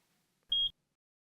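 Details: A single short high-pitched beep from the Blanketrol III hyper-hypothermia system control panel, confirming a button press.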